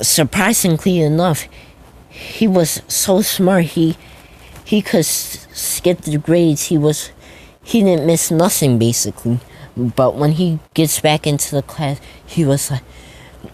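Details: Male speaker who states he stutters a lot; stuttering.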